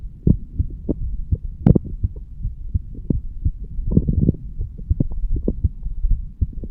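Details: Normal heart sounds from a 35-year-old standing male, recorded at the mitral (bicuspid) valve area: regular low heartbeat thuds with some rubbing noise.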